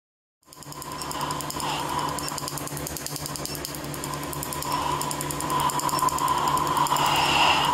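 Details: Q-switched laser tattoo removal: steady, rapid snapping laser pulses, about three or four a second, over a machine hum.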